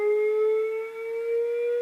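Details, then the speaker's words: Training automated external defibrillator in a public CPR/AED demonstration, after rhythm analysis and before the shock button is pressed: steady rising electronic tone, simulated use, AED charging tone. "it's charging up because the patient gets a shot"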